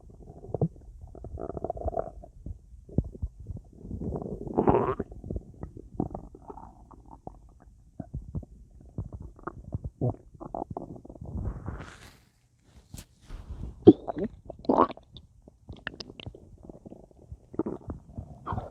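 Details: Active bowel sounds (borborygmi) after a large meal with a drink, much gas in the belly and feeling very full: irregular gurgling and bubbling rumbles with short quiet gaps.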